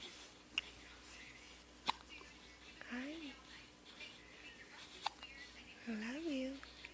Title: Hiccups today :(